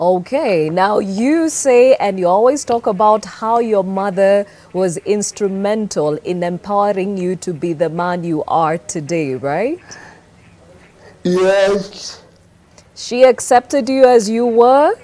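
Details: Adult woman speaking, brief reply from a second speaker; normal speech.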